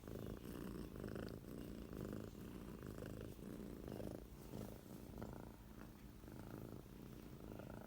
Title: Super cute cat snoring 😴